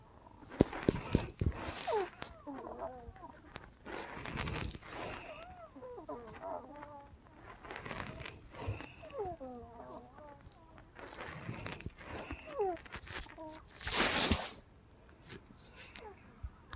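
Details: Wheezing recorded overnight, starting around 6 AM, about 4–5 hours after her last breathing treatment (Arformoterol and Pulmicort at 1 AM): clusters of squeaky, musical whistles of shifting pitch on noisy breaths.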